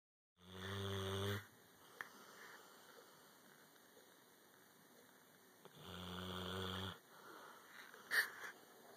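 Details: Snoring during sleep: two loud, rattling snores about five seconds apart in a quiet room, with a faint background tone.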